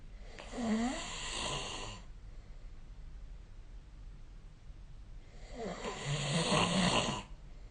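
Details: Two loud, rough, fluttering snores on breaths in, separated by quiet breathing out, recorded with the SnoreLab app; snoring.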